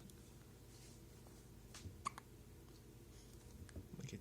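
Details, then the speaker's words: Baby girl with hiccups: a few brief, sharp, click-like catches in her breathing in a quiet room. "Oh, you're so cute. These must be your first hiccups. Look how cute you are."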